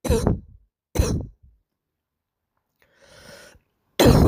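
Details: Girl with a cough of unknown cause: three loud, harsh, seal-like barking coughs with a breath drawn in between.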